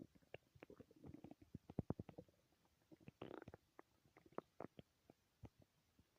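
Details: Clusters of gurgling, bubbling rumbles and pops from the belly, from gas and fluid moving through the gut; loud stomach growling, borborygmi.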